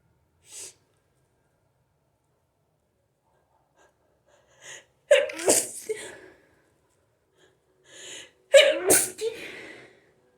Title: Hayfever sneezing attack!